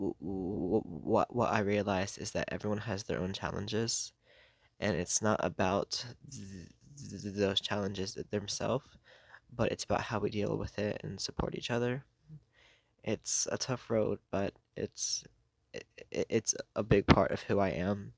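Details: Adult who has stuttered for most of their life, worsening over the past few years, with blocks, getting stuck on words and substituting words; stuttering.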